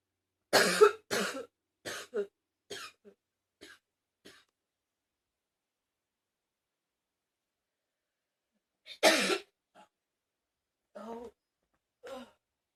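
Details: Two bouts of dry coughing, about six coughs then three more after a pause, fading in strength within each bout, followed by pained "ow" sounds; cough.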